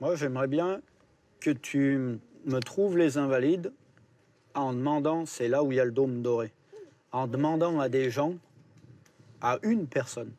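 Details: Adult male speaker; Normal fluent speech.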